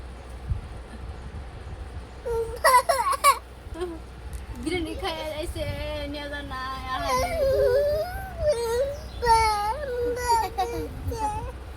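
Short wavering fussy cries and whimpers from an infant, with an adult talking in the background.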